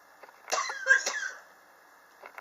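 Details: Chronic cough since summer 2016, still present in 2019, not helped by medicine or home remedies; the patient blames extreme temperature changes in a high-rise building. Two harsh cough bursts, each with a slight rough voiced tail.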